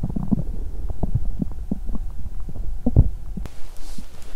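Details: Abdomen of a hungry person on an empty stomach after exercise: low, irregular gurgling and rumbling with brief bubbly pops and a soft shift near the end: loud stomach growling, bowel sounds (borborygmi).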